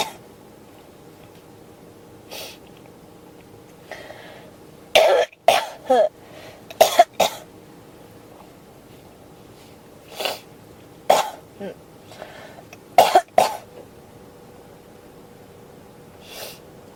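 Repeated dry coughs, mostly in pairs and short bouts, with a few softer throat-clearing sounds in a quiet room; a persistent cough.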